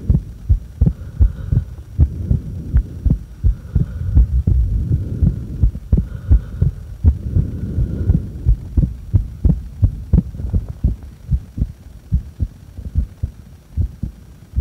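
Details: Heartbeat recorded during breath-holds after inhaling and after exhaling: steady low lub-dub at roughly 85 a minute over a faint hum; normal heart sounds.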